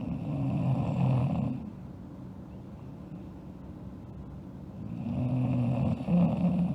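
Two long, rumbling snores on breathing in, separated by a quiet pause of about three seconds; ordinary snoring in sleep.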